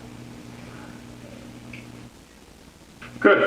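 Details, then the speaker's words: Stethoscope over four abdominal quadrants of a female patient, lying back, during a virtual hospitalist exam: soft intermittent gurgles over electrical hum, ending louder, "gurgly, hungry": active, normal bowel sounds. "gurgly in there today let's be hungry"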